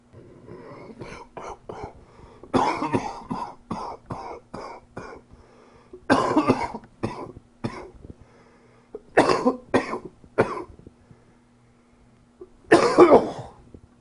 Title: Coughing 88